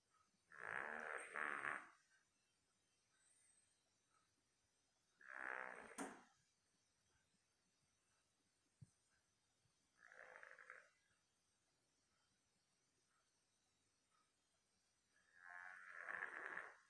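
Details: Buster, a dog sleeping soundly: four fluttering, raspy snores spaced several seconds apart in a quiet room.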